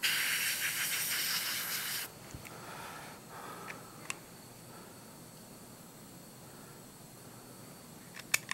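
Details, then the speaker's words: Dental air syringe: two-second loud airy hiss then quiet with small clicks, drying the teeth before taking a polyvinyl siloxane impression (heavy body with light wash) in restorative treatment of malpositioned dentition. "so we're gonna start taking our impression start with the drying of the dentition"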